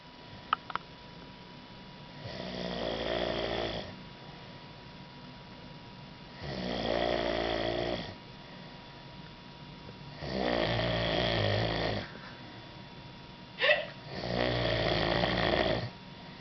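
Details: Ordinary snoring: four rattling, fluttering snores about four seconds apart, roughly 15 a minute, with quiet pauses between them.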